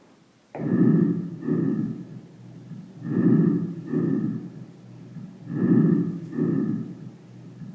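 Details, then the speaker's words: Simulated normal breath sounds for adult chest auscultation with a stethoscope: soft, even breath sounds, inspiration and expiration alike, with normal airflow and no added sounds. "los ruidos normales se generan en las vías aéreas centrales o proximales y se transmiten filtrados hacia las zonas periféricas estos ruidos normales son ruido traqueal bronquial bronco vehicular y vehicular"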